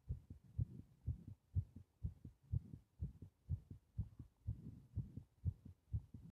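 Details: Regular, low, paired lub-dub heartbeat, fast at about 120 beats a minute, recorded during paper-bag breathing (part 3); heart sounds.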